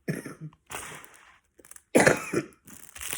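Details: An adult with a hoarse, cracked voice gives several harsh coughs mixed with throat clearing in a quiet room; the cough is plain.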